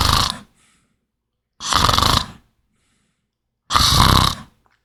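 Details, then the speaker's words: Loud, rough, rattling snores on inhalation, evenly spaced with quiet between, from partial upper airway obstruction by the tongue; classic snoring presented in an airway-management course. "Un ronquido es clásico, todos conocemos que es un sonido como el que voy a reproducir."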